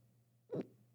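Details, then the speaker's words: Single abrupt, short voiced gulp of one hiccup from an adult who has the hiccups while talking on a recorded conversation, over a quiet background. "Sorry, I got the hiccups. Can you hear it in the car?"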